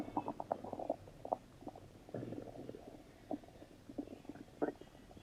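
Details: Stomach rumbling (borborygmi): soft gurgling and bubbling rumbles in irregular bursts over quiet room noise.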